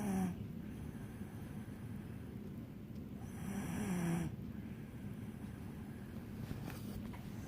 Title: Snoring dog 2